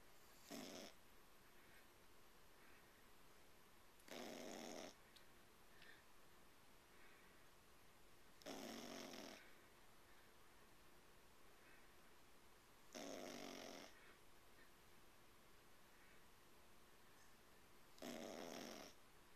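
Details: Teacup Yorkie dog snoring while asleep: five brief, soft, raspy snores at a slow, fairly steady pace of about 13 breaths a minute.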